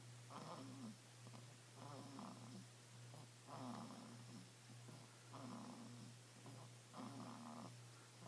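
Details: Snoring: regular rattling snoring sounds, about 35 breaths a minute, over a steady low hum.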